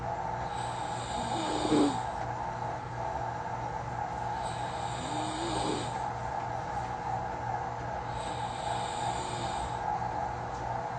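Soft, quiet snores about every four seconds, roughly 15 breaths a minute, with a faint whistling pitch over steady room hum.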